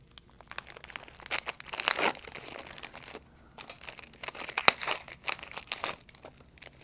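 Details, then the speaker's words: Crinkling and tearing of plastic and paper wrappers as a butterfly collection set and a syringe are unwrapped by a phlebotomist before a hand venipuncture on a real patient. "we are going to grab our butterfly collection set and our syringe. We're going to unwrap them and put them together."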